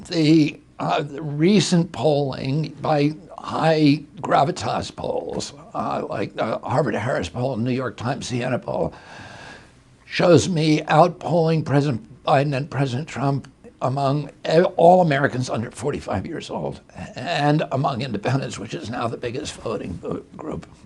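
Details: Real spasmodic dysphonia in an adult male, with onset in 1996 at age 42 after a neurological injury; he attributes it to his brain sending wrong signals to his vocal cords.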